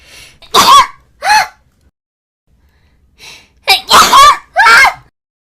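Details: Person's sneezes: short voiced bursts, each preceded by a sharp inhale, in two clusters; a series of vocal sneezes.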